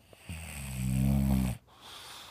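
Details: Sleeping, lazy English bulldog giving a single deep, rumbling, buzzy snore lasting over a second; snoring.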